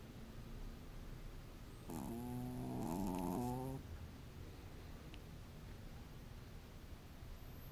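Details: Single nasal, buzzing snore lasting about two seconds from a sleeping pet over quiet room noise.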